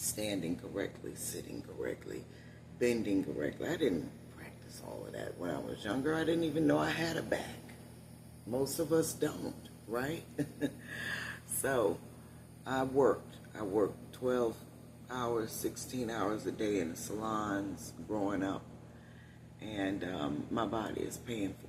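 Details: Adult woman with one vocal fold paralysed after neck surgery; she must push much more air to speak, which tires her; unilateral vocal fold paralysis.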